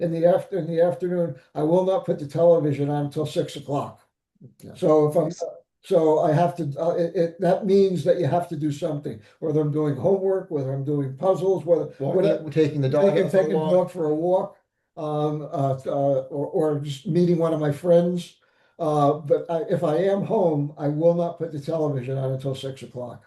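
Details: Adult man, stroke survivor, with aphasia after stroke; aphasia.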